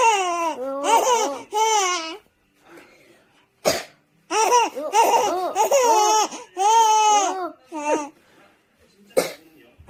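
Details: A 4-month-old baby bursts into loud, bubbling laughter after each of two sharp single coughs from her older brother; a plain cough.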